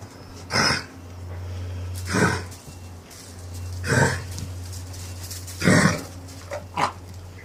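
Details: Child's harsh, barking, seal-like cough: about four strong bursts plus two short ones over a steady low hum.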